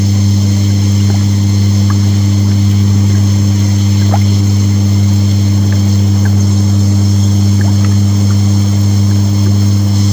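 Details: Aerosol nebulizer compressor running with water bubbling: a steady, loud, low motor hum with faint intermittent bubbling pops throughout.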